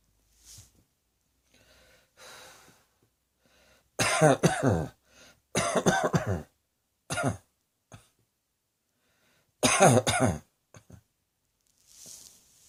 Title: Cross Dressing Coughing 121